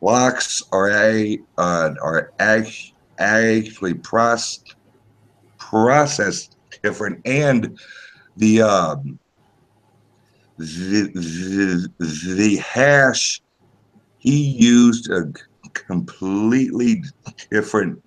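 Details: Male podcast guest's self-reported speech impediment, type not named; speech disfluency heard. Finding: speech disfluency (speech impediment).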